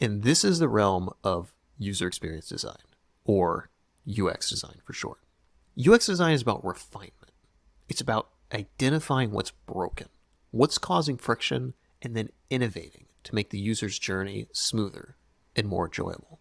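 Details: Adult male speaker; normal speech.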